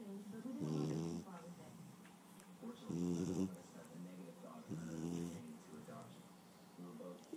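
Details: Rhythmic, buzzing snores from a sleeping bloodhound puppy, about three in the clip, roughly 27 breaths a minute, quieter breathing between: snoring.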